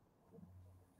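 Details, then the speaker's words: Soft, low rumbling snoring from the owner's resting cat, relaxed and comfortable, heard during a live broadcast conversation. "Tu entends un ronron, c'est pas moi. Hein. On ronne pas, il ronfle, là. Écoute, il est bien, il se sent bien, donc il ronfle."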